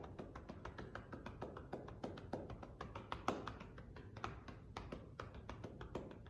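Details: Manual chest percussion (cupping) over the left lower lobe posterior segment, patient prone with a pillow under the chest, during a 90-second postural drainage demo; rapid steady hollow claps, about three to four a second, for airway clearance.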